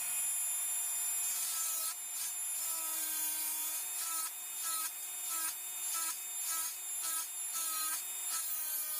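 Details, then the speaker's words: High-speed dental handpiece whining, pitch dipping with each cut, during mesial planar reduction of the mesiobuccal cusp. This is biplanar occlusal reduction of a typodont mandibular first molar (#36) for a full veneer crown. "So we'll start with the mesiobuccal cusp. So from the groove you have to like slide down towards the mesial surface."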